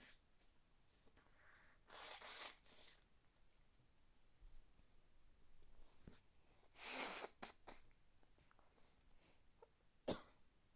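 Two soft, hissing sneeze bursts in a quiet room with faint handling noise; ordinary sneezing.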